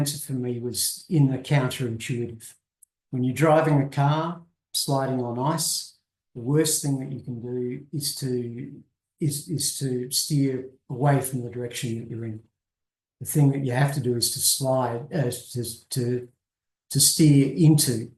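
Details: Adult male who describes himself as a person who stutters and was covert for much of his life; he notes he appears very fluent while speaking; stuttering.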